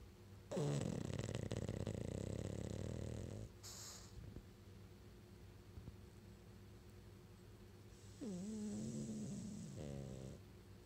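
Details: Snoring during sleep: a long rough rattling breath, then a shorter vibrating one with a whistly edge, quiet room noise between.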